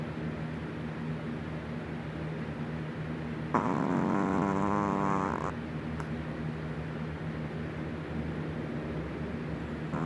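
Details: Sleeping 4-year-old Chihuahua that sleeps with eyes open snoring: one loud, rattling, buzzing snore of about two seconds over steady room hum.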